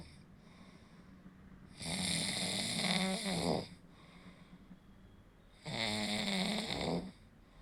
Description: Snoring is the sound produced when airflow is partially blocked during sleep, causing the tissues in the throat to vibrate.